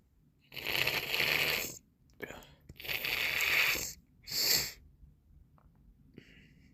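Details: Morning sneezes with a snotty, congested nose: three hissing, explosive bursts of air in quick succession, then a short sniff.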